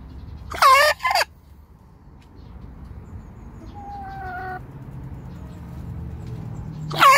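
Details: Hen about 14 months old with coughing for the last four (unit not stated): two short, harsh, explosive cough-like bursts, then another at the end.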